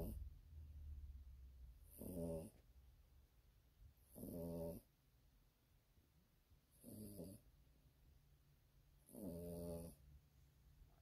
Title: Yorkie/Roney/sleeping snoring